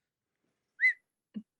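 A brief, abrupt rising whistle, then a short grunt-like sound: a simple vocal tic of Tourette syndrome.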